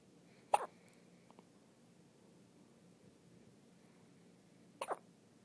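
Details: Newborn only a day or two old, still in hospital, with hiccups: two brief, sharp hiccups about four seconds apart in a quiet room.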